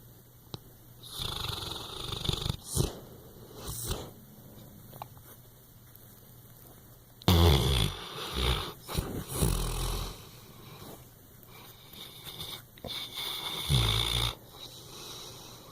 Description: I woke up to this in my ear! Our English Chocolate Lab Sully.